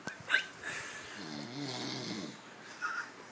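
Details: Sleeping man snoring: a single drawn-out, wheezy, slightly whistling snoring breath amid soft room noise.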